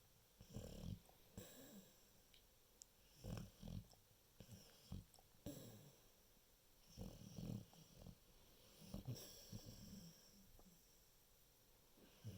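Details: Sleeping female dog: soft, rhythmic rumbling snores with each breath, about eight breaths over twelve seconds, against quiet room noise; ordinary snoring.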